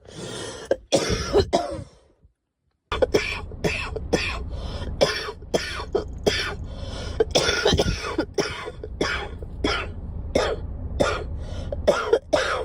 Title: Girl coughing 230